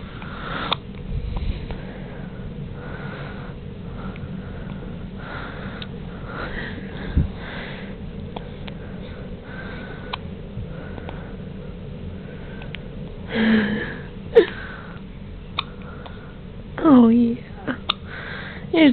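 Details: Newborn girl in hospital, first hiccups after birth: soft, abrupt little catches repeating every few seconds over quiet room hum; hiccups.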